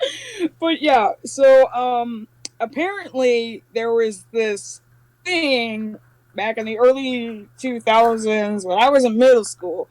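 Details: Adult speaker; normal speech.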